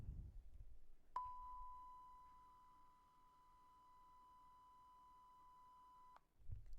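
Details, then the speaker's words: Simulated tinnitus sound of a woman with panic disorder, whose attacks bring ear pressure and ringing that rises in pitch: a steady high-pitched pure tone lasting about five seconds, with faint room noise. "na hindi mo talaga ma-explain na yung sounds talaga niya guys, na parang ganito, ipaparinig ko sa yung parang ganito guys, yung sounds niya parang ganito kapag umaatake yung tinnitus"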